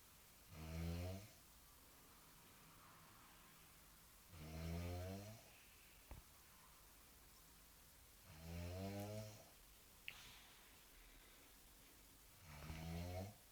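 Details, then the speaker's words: Sleeping girl with severe snoring, stated as real: loud, rough, rattling snores on each in-breath, about 15 per minute, steady and regular against quiet room noise; heavy snoring. "При просмотре этого видео все будут думать, что мы издеваемся на девочку, которая просто спит, подобрав какой-то храб безумный. Но это не так. Это стопроцентная правда."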